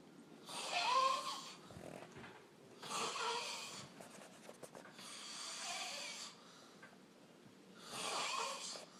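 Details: Male (brother) snoring heavily in sleep: loud, harsh, rasping breaths with a whistling edge, about 26 a minute.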